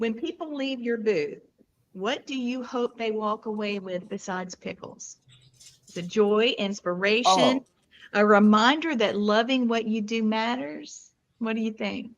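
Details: Adult speaker, interview host; Normal fluent speech.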